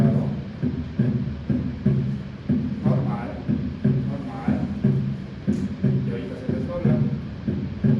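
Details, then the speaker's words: Teaching recording: regular heart sounds about 60/min with S1, S2 and an added S3, giving a galloping three-beat rhythm; S3 gallop associated with heart failure. "Y esto ya es el galón. Primer ruido, segundo ruido y tercer ruido. Incrementado, ¿no? Insuficiencia cardíaca, el famoso galón. Es como un caballo, literal, por eso se llama un galón, ¿no?"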